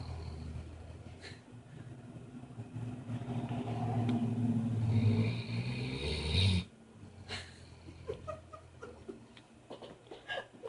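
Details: A low, rattling snore swells over several seconds and then stops, with quiet room noise after, from a sleeper said to snore like his grandpa; snoring.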